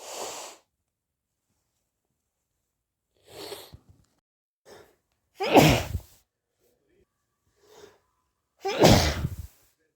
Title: itchy sneezes